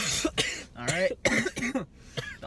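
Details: Harsh, repeated coughing bursts with throat clearing after taking stacked mouth-to-lung vape hits in a challenge; cough after vaping.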